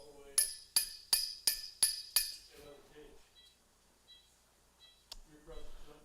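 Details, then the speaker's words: Right-sided open sacroiliac joint fusion with instrumentation for a painful right SI joint: six sharp metallic taps in quick succession as a surgical mallet strikes an instrument driven into bone, with faint room noise. "and if people thought they they freaked out about my endoscopic hammering"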